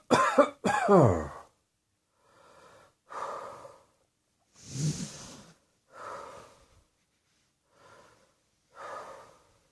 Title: Cross Dressing Coughing 29